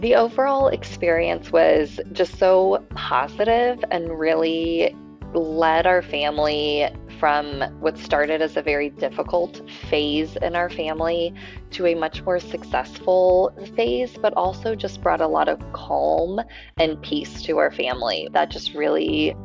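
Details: Adult woman speaking; ordinary fluent speech.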